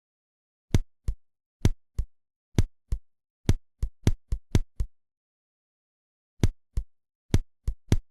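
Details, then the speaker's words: Simulated heart sounds with two episodes of rapid extra beats interrupting the rhythm: paired extrasystoles (couplets), heard as three contractions in a row and hard to tell from a short paroxysm of tachycardia by auscultation. "рагмент парная экр систоли хорошо видна на кг будет слышна хорошо и аускультативно Однако что это парна экстрасистол уверенно сказать не сможем нам будет казаться три сокращения идущих подряд"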